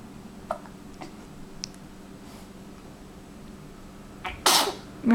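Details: 11-week-old male infant with hiccups: small faint sounds, then one loud, explosive sneeze near the end, in a quiet room; sneeze.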